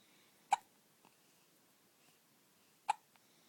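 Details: Infant lying in bed after her morning feed with hard hiccups: two sharp, brief hiccups about two and a half seconds apart in a quiet room; ordinary infant hiccups after feeding.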